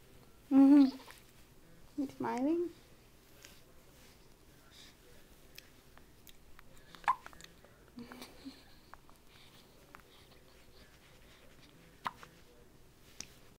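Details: Two abrupt voiced hiccups early on, then quiet room noise with faint clicks; hiccups.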